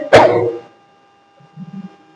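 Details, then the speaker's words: Simulated controlled cough in a nursing demonstration: sitting upright, deep breath in, then a sharp, forceful cough, done twice to loosen and expel mucus; the exercise is for elderly and post-operative patients. "In this exercise we follow the techniques are sit upright, inhale deeply and cuff twice. First cup is loosen the mucus. Second cup is expel the mucus."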